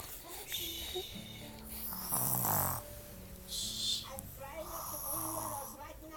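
Rough, buzzing snores with background talking and music.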